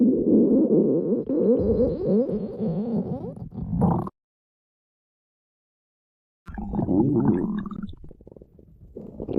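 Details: Stomach growling (borborygmi): long gurgling, rumbling bowel sounds in two stretches with a silent gap between them.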